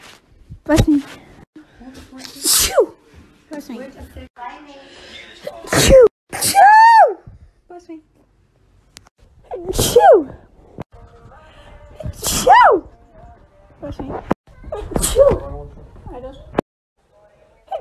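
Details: A compilation of about seven separate sharp, explosive sneezes from different people, some ending in a voiced 'achoo', with brief talk between them.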